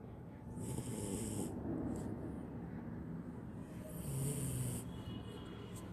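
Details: Sleeping beagle snoring: two rough, breathy snoring breaths with a soft whistling edge over steady low background noise.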